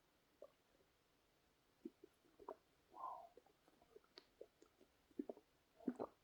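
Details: Quiet, scattered gurgles and pops with one longer bubbling growl from a man's stomach; ordinary digestion sounds, borborygmi (stomach growling).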